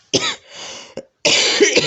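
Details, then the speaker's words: Adult woman, ill with symptoms that began that morning and ongoing fatigue, says she has a small dry cough: a few short, dry, unproductive coughs. "donc, j'ai une petite toux sèche aussi, là, vous pouvez entendre."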